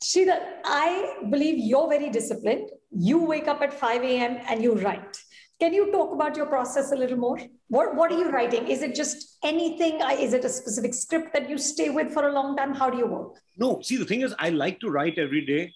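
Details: Adult female interviewer, with a second speaker replying briefly at the end; typical speech.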